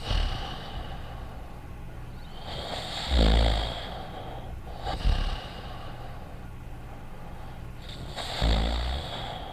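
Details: Acted cartoon snoring by the character Dogtanian from an animated series: soft, repeated, low snorting snores a few seconds apart over a steady background hum.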